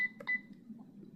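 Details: Short electronic keypad beeps from a Sigma Spectrum infusion pump as buttons are pressed in a quiet room while programming a secondary cefazolin infusion rate and volume; nursing student demonstration with a primed IV line.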